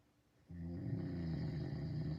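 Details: A single deep, rumbling, buzzing snore from a sleeping man who denies that he snores; snoring.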